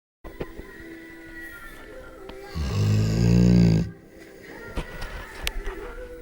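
One loud, deep, rattling snore with a grunting, pig-like quality over quieter breathing and room noise; ordinary dog snoring.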